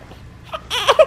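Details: Newborn baby boy in the hospital, straining as if trying to poop: brief fussing with short rising wails; an ordinary newborn cry.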